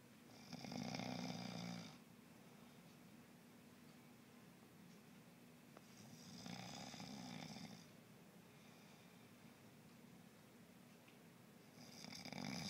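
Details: Ordinary snoring from a sleeping person: rough, rattling snores on inhalation, about ten a minute, with quiet pauses between them in a small room.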